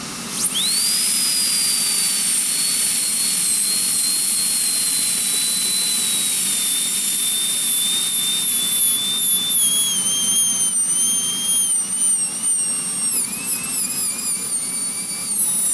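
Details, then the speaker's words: Steady high-pitched whine of a high-speed dental handpiece, pitch dipping under load, opening the embrasures of a provisional crown and trimming close to the visible finish line without nicking it. "I'm going to open up the gindel EMB brazers here a little bit and you look if you look this very carefully I can see my finish line that I produced here so I'm going to try to uh get my burst close to that without uh micking it"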